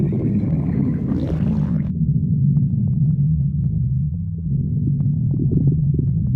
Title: Kitchen GF stomach growling